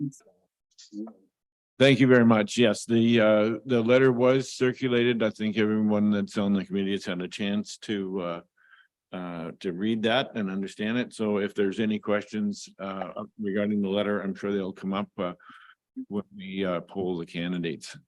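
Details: Adult male speaker; Normal speech.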